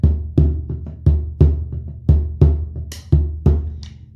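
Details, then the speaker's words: Simulated heart sounds played on a snare drum: first and second sounds, then a third, then a fourth added, giving four beats per cycle (S4, S1, S2, S3). "Vamos a mostrar primer y segundo ruido, después le agregamos el tercero y finalmente le vamos a agregar el cuarto."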